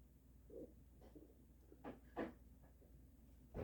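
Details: Short, irregular gurgles and squelching bursts over a quiet background: extreme, loud stomach rumbling from gas and fluid moving through the gut; borborygmi.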